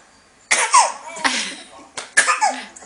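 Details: Baby girl coughing and hiccuping, playing in an exersaucer: three short, sharp coughs in quick succession, each a sudden burst followed by a brief trailing breath.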